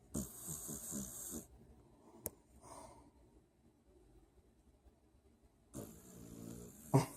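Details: A sleeping dog snoring "like an old man": two rasping, fluttering snores separated by a quiet pause with a single click; ordinary snoring.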